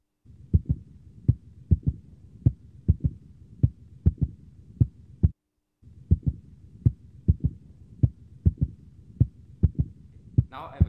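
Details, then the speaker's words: Simulated heart sound, made by finger tapping under a stethoscope: a three-beat rhythm with an extra low sound after S2; S3 gallop, normal in young people or pregnancy but possibly pathological in the elderly. "so tap tap tap tap tap tap and what you will now generate is s3"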